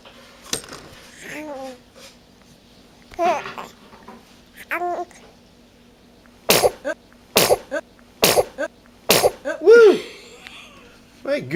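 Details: A 5-month-old infant sneezing: a run of four sharp, explosive sneezes in quick succession, with vocal sounds before and after in a small room.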